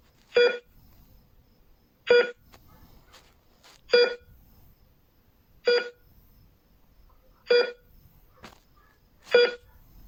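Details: Steady electronic beeps from a bedside heart rate monitor in a hospital, roughly 33 a minute, each marking a heartbeat; heart rate monitor beeping.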